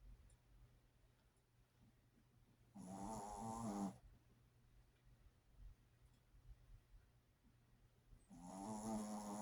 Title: Marina's Gigi the Main One Snoring